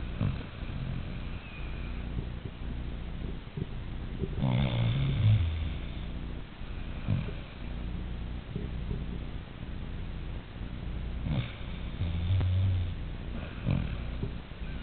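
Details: Low, rough, human-like rumbling snores recurring irregularly over steady background hum from Alicia; snoring.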